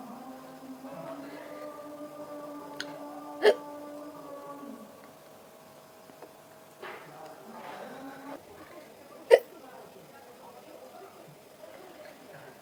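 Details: Two sharp, abrupt hiccups several seconds apart after eating green chili in a hiccup challenge, over background music and humming.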